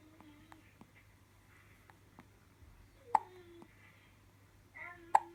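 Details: Two-day-old newborn with ordinary hiccups: soft, sharp hiccup sounds about every two seconds with faint little voice noises in a quiet room.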